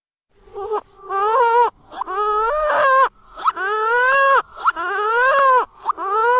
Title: Crying newborn baby child sound effect reserved